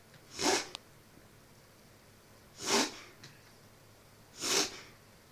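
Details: Animal recovering from pneumothorax, with episodes of 'reverse sneeze' or spasm 2-3 times daily: a sneezing fit of three sharp, hissing sneezes about two seconds apart in a quiet room.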